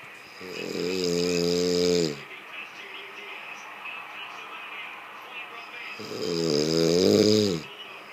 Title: Snoring person